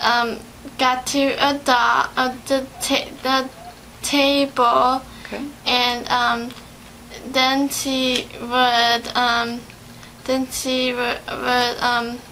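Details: 17-year-old patient with aphasia in a speech therapy interview, retelling a story, with hesitations and paraphasic words; aphasia.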